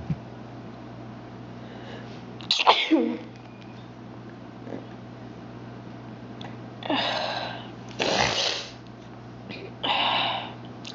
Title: a couple sneezes